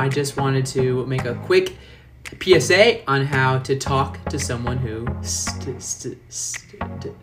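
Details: Man who describes himself as a person who stutters; stuttering.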